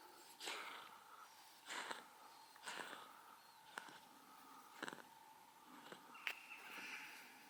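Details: Cat coughing in the early morning: about six short, dry, hacking bursts spaced a second or so apart in a quiet room.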